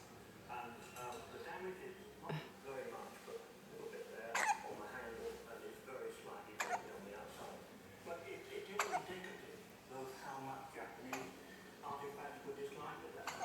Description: Our little baby with hiccups at about 7 days of age